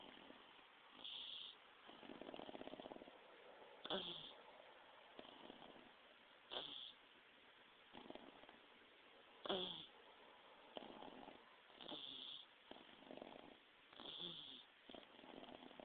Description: MY PUG SNORING